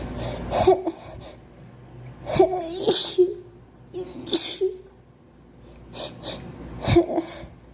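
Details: Four sneezes in a row from a girl, each with a quick indrawn breath before the burst; ordinary repeated sneezing.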